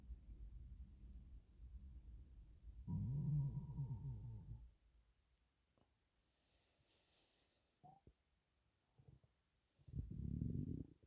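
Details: Stomach rumbling while breathing in and out: low gurgling rumbles and a brief squeaky gurgle separated by quiet spells, from gas and air in an empty stomach, possibly hunger.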